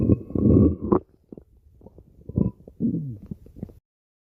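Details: Stomach growling (borborygmi): low gurgling and rumbling bursts with irregular pulses, typical of gas and fluid moving through the gut; a normal finding.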